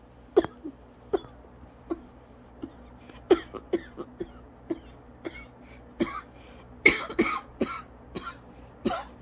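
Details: Person in asthma coughing fit lasting about 30 minutes, lightheaded and dizzy, struggling to breathe normally: rapid run of about twenty short, dry coughs with little pause for breath.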